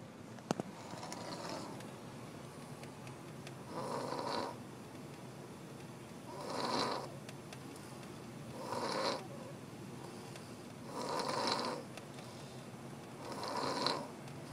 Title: Mr man SNORING!!!